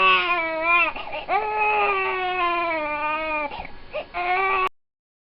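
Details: Young infant boy with colic, crying constantly for his first 3 months and not soothed by feeding, burping, changing or bouncing. Loud, sustained, high-pitched crying with brief catch-breaths between wails; inconsolable colic crying.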